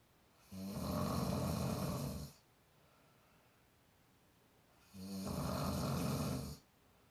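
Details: Two loud, rattling snores from a travelling companion, each on the in-breath and about two seconds long, with quiet pauses between them. Ordinary loud snoring.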